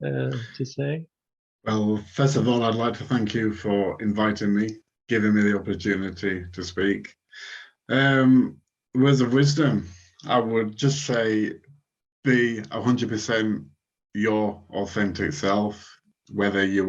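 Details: Person who stutters, speaking as a guest in a conversation about stuttering; stuttering.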